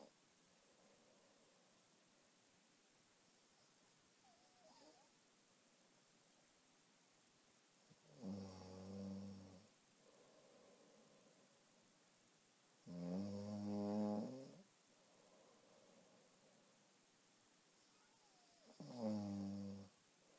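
Three loud, rough, rattling snores on breathing in, a few seconds apart, with quiet breathing out between them in a silent room.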